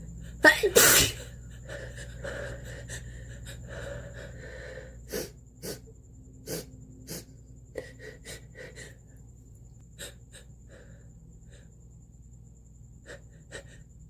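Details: Close-up nose sneezes blasted at the camera: a loud explosive sneeze, then a run of short snorting nasal bursts and sniffs over room hum.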